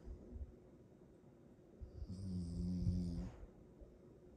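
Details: Rottweiler dog snoring loudly: one loud, low, rattling snore lasting about a second against quiet room noise.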